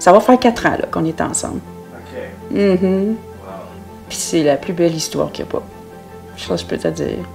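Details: Adult woman speaking French; normal speech.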